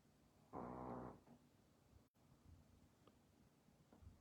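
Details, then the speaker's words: One loud, buzzy, rattling snore from a small sleeping chihuahua lying on its owner, followed by quieter breathing in a still room; dog snoring. "ouais c'est ça vous entendez un ronflement mais le ronflement c'est mon petit chihuahua qui fait de dos sur moi"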